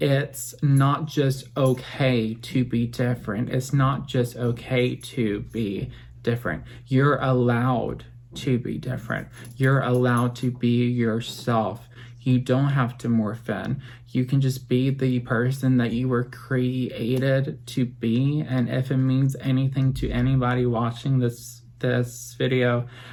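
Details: Adult, 25 at filming, with apraxia of speech since childhood; made few sounds and did not babble as a baby; apraxia of speech.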